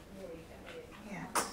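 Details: Newborn baby in hospital being burped by a midwife after feeding: soft murmuring, then one brief, sharp infant sneeze, a normal newborn sneeze.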